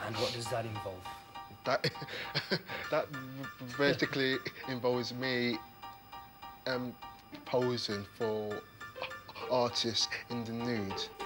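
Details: Adult man who stammers, speaking; finding: stuttering.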